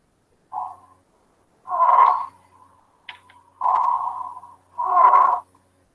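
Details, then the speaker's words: Stridor from the large-calibre upper airway (larynx or trachea), as in foreign body aspiration or tracheomalacia: four loud, high-pitched, harsh musical breath sounds. "si ustedes se fijan el exterior se va a presentar acá en la tráquea o en la laringe es decir de mayor calibre de mayor diámetro y se escucha más o menos así"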